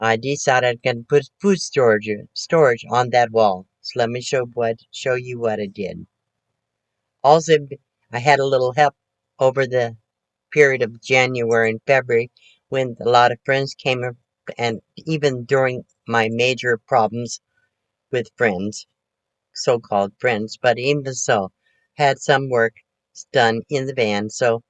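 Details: Post-stroke aphasia in a 72-year-old woman recovering from her second major stroke, which she says affected her thinking; she is talking much better, with word repetitions, restarts and word-finding errors.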